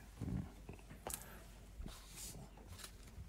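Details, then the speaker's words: Stomach growling from an adult man during a radio talk show, which the host remarks was audible; borborygmi. "んお腹鳴っちゃったお腹鳴っちゃったようんいや聞こえたよねうん"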